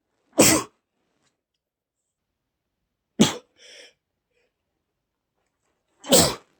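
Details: Adult male gives three sharp, explosive sneezes about three seconds apart, with a brief sniff after the second, after accidentally inhaling dust from bags in a shed.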